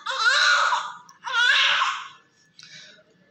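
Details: Newborn female baby of low birth weight (2 kg), delivered by LS, active with a good Apgar score, during cleaning: two strong, high-pitched wailing cries and a shorter third; a vigorous newborn cry.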